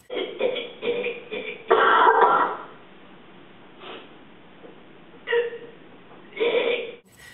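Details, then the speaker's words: Cough from a classmate during class, followed by others coughing; the narrator had recently had flu. "two days later i was sitting in class and someone started coughing and then everyone else started"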